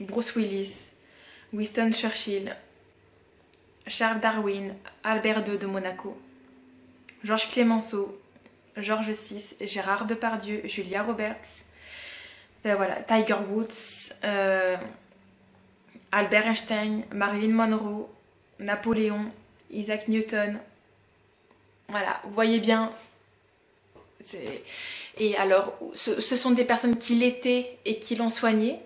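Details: Adult woman, 32, with stuttering since about age 4-6; she says stuttering, including blocks, may occur here, especially when she is tired, rushed or emotional.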